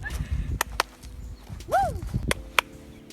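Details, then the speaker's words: An imitated former vocal tic, a brief rising-falling squeaky noise among clicks and room noise, from a person later diagnosed with Tourette's syndrome whose tics were first thought to be functional neurological disorder (FND). "I used to make this weird noise that was this one that my mum likes because it was really cute and I don't remember what it was"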